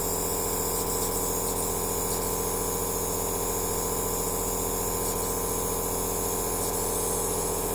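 Steady motor hum with a fast rhythmic pumping buzz and hiss of a nebulizer compressor running continuously.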